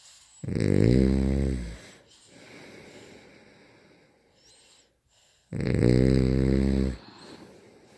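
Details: Two loud, rough, drawn-out snores about five seconds apart, with quieter breathing between them; loud snoring.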